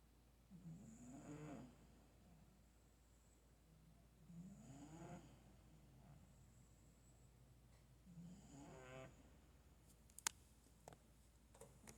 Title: 4 minutes of my cat snoring